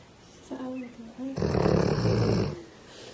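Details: Sleeping female dog snoring, said to snore often: a brief voice, then one long, loud, rumbling breath.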